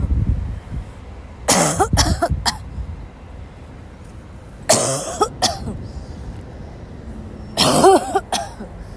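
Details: Three clusters of forceful, harsh, dry coughs with brief pauses, outdoors, from a sick young woman who left class unable to stop coughing; repeated coughing fit.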